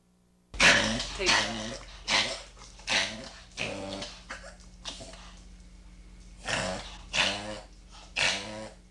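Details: A dog having a reverse sneeze episode: a run of loud, rough snorting honks.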